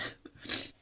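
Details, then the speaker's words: Single short, breathy, rasping dry-sounding cough, preceded by a faint catch in the throat, from a sick adult woman who has lost her voice and keeps coughing. "Alors je m'excuse par avance, hein, je suis malade. Voilà, je n'ai plus de voix, je tousse, c'est une catastrophe."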